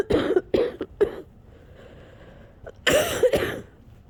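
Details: Coughing fit near the end of an almost hour-long fit, after a cold lasting a couple of weeks: an adult coughs in two clusters, about six harsh bursts, with shaky breathing between them.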